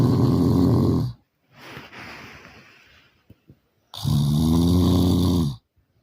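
Very loud, rattling snores on the in-breath, with a quieter breathy exhale between them; heavy snoring.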